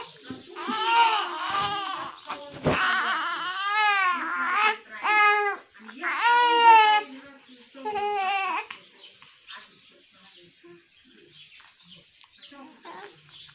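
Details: Infant twins, a baby boy and a baby girl, cry in a series of strong, high-pitched wails that rise and fall, then fade to whimpers.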